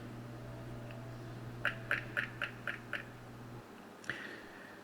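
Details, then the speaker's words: Six rapid, evenly spaced soft taps from a Periotest dental implant mobility tester held at the proper distance from the object; without the proper distance, it instead gives a high-pitched sound. "If you have a proper distance, this is what you're going to hear."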